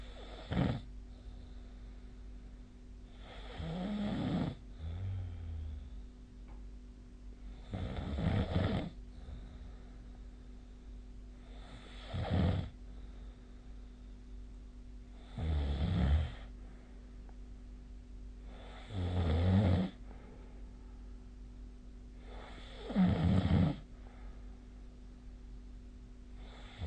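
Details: A sleeping adult's loud, rough snores, repeating about 16 times a minute, over a steady low room hum, recorded with a snore-tracking app.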